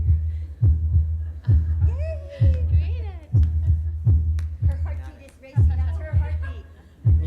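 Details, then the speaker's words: Simulated heartbeat of a girl, played through speakers: deep, regular thumps at about 65 per minute under light music and chatter. "How about that? It's her heartbeat."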